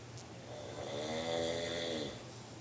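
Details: Snoring: a single drawn-out, buzzing, vibrating breath sound in a quiet room.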